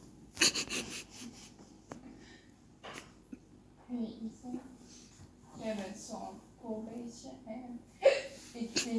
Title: My sister has the weirdest hiccups ever